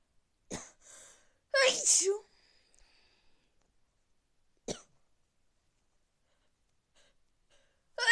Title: Big sneezes cold part 2